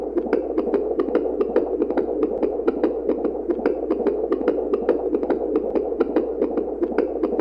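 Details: Rapid, regular whooshing fetal heartbeat on a Doppler heartbeat monitor, about 146 beats a minute, within the normal range.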